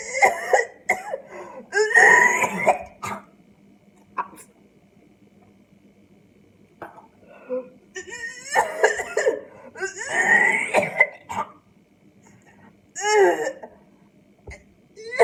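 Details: Adult gagging at the sight of a raw egg cracked for a homemade hair treatment: repeated harsh gagging and coughing bursts with strained voiced retching, a disgust-triggered gag reflex.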